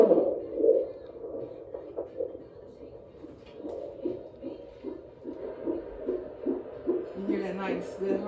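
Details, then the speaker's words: Third-trimester prenatal visit, fundal height about 31 cm, listening over the fetal back located by Leopold maneuvers: rapid, regular whooshing fetal heart tones in the 140s, normal rate and rhythm. "and we listen not only for the rape which in this case is 140s we also listen for a rhythm you know regular reading rhythm you heard that"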